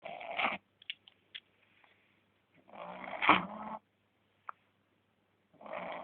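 A dog snores in loud rasping bursts about 21 times a minute, with quiet pauses and a few soft snorts between them.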